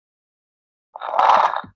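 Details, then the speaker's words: Coarse bubbling (moist) rales heard on lung auscultation, resembling the bubbling of soapy water, present in both phases of respiration and usually not fixed: coarse crackles. "y estos se van a denominar así, puesto que se van a parecer a lo que es el burbujeo del agua jabonosa. Estos se van a oír en las dos fases de la respiración."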